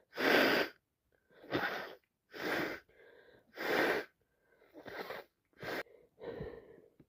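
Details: About seven sneezes in quick succession with sharp in-breaths between, amid sniffing and nose blowing all night while unwell; repeated sneezing.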